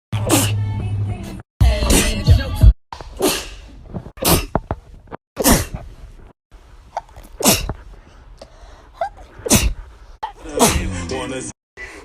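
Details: Repeated forceful sneezes about every second or two, with music in the background; sneezing.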